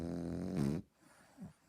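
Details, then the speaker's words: An 18-week-old French Bulldog puppy snoring while asleep: one loud, buzzing snore on a breath in, then a soft snuffle; noisy flat-faced dog snoring. "so if you ever think they're getting a Frenchie couple of things they snore terrible and they pump trump Farms awful"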